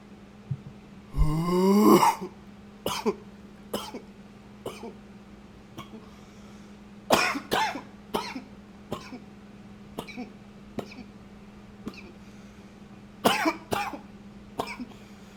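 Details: Coughing recorded with a new high-fidelity microphone: one long throaty cough, then many short, sharp coughs in clusters over fifteen seconds, with steady room hum.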